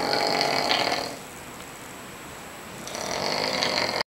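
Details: Adult man snoring very loudly while asleep in a hotel room, described as sounding almost like suffocating; two loud, rough, rattling breaths separated by a quiet pause, heavy harsh snoring.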